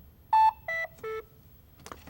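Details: Lifepak CR Plus automated external defibrillator being switched off during a routine inspection by holding the power button: three short descending electronic shut-off tones in a quiet room.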